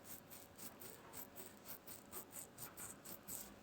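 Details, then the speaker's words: Crackles on lung auscultation: fine, repeated crackling and bubbling sounds, described as bubbling, as may occur with pneumonia or fluid in the lungs. "Van a tener el ruido crepitante, que va a ser similar a un burbujeo. Busquen los videos en YouTube, hay siempre muchos audios. Esto puede presentar en un paciente con neumonía o que tiene ocupación de líquido y suele sonar algo así."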